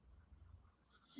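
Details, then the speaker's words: Dog snoozing during a desk yoga session: faint, low rumbling snore, brief and quiet in a still room; snoring during sleep. "exhale twist and release if you can hear some snoring it is actually my dog purdy she is snoozing and snoring all right"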